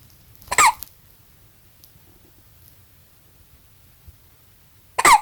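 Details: Newborn boy only 8 hours old with hiccups: two brief, sharp squeaky gasps about four seconds apart in a quiet room.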